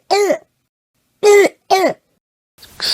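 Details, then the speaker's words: Infant with croup: three short, harsh, voiced, seal-like barks, a barking cough that typically worsens at night. "and then a barking cough is a sign or symptom of of croo and typically this is even more persistent at night it worsens at night it's a barking noise"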